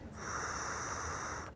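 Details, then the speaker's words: Demonstration of capsule dry-powder inhaler technique at a COPD and adult asthma seminar: a steady, airy whistling hiss of about 1.5 seconds as air is drawn through, with the faint buzzing rattle of the capsule. "you can breathe in several times and that's one of the really cool things about this um if that capsule's not making that rattling noise it could be that they've washed it and it's not dry in here"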